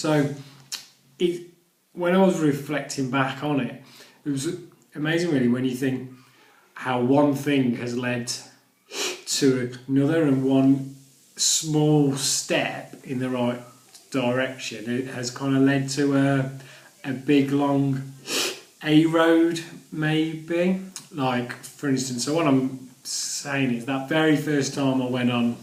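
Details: Adult who stammers, speaking live on radio and noting he got into a couple of difficulties; stammering.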